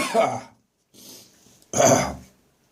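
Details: Adult whose cough returned after seeming to clear, recorded on the morning of St Andrew's Day: two harsh, throaty cough bursts separated by a strained, noisy breath. Cough with gagging.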